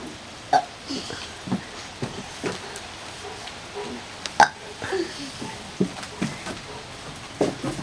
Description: My son burps his favorite tune with alittle dancing